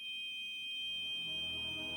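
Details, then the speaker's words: Simulated tinnitus: a steady, piercing high-pitched tone imitating the constant ear ringing the speaker has heard every second for almost a year, judged incurable after 23 specialists and an emergency visit. "Les acouphènes. Depuis quasiment un an, là, à chaque seconde de ma vie, j'entends ça dans mes oreilles."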